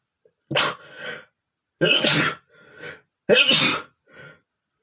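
Three forceful, uncovered sneezes in a row, each a sharp hissing burst followed by a softer breath. Repeated sneezing.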